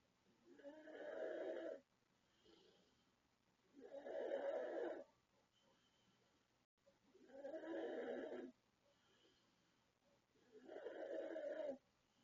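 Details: A 36-year-old woman from the Philippines snoring during sleep at night: loud, rough snores at about 18 per minute with softer sounds between them; heavy, very loud snoring.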